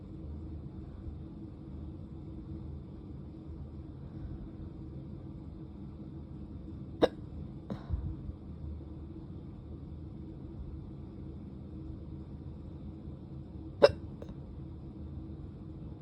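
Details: Hiccups while drunk: two sharp, brief hiccups about seven seconds apart over a steady low engine rumble, as in a moving vehicle.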